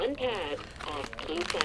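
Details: Brief recorded voice from an AED instructing the rescuer to take out and apply the pads, in a health care students' demonstration for cardiac arrest: AED voice prompt.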